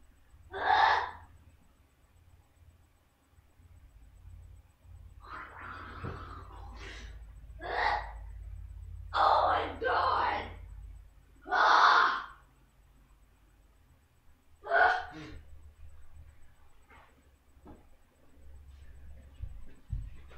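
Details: Harsh coughs and sharp gasping breaths in bursts between pauses after swallowing a spoonful of cinnamon powder (cinnamon challenge); the person reports a sore throat, can barely breathe or talk.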